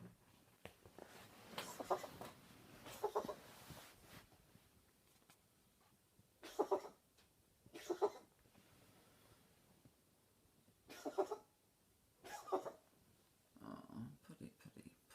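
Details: Nightly coughing fit lasting nearly 90 seconds in a pet cat, whole body shaking; owner wonders if it is cat asthma: run of harsh, paired hacking coughs with pauses between bursts.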